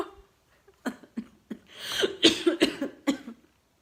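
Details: A tired woman, just back from exercise class, has a barking "dog" cough: about seven short, harsh bursts with a noisy indrawn breath midway.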